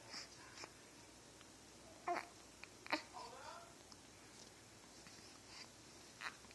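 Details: Hiccups in a 2-week-old baby.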